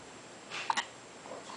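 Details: Newborn baby 11 hours old with hiccups while his father tries to soothe him: two brief, soft catching sounds in close succession against quiet room noise; normal newborn hiccups.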